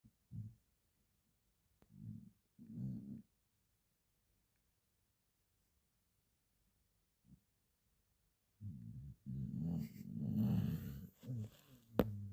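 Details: Sleeping Border Collie dog snoring: soft, low rumbling breaths in short bursts with pauses, then a longer run of louder snuffling snores.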